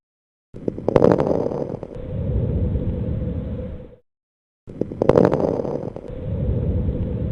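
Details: Two breaths, each opening with a burst of short popping clicks over rough breath noise, from a lung auscultation teaching example: crackles (crepitantes).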